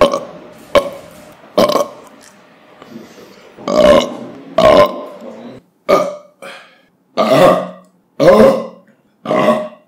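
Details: Burping compilation after drinking soda or beer or eating: a run of about ten loud, voiced belches in ten seconds, some long and drawn out; repeated burping.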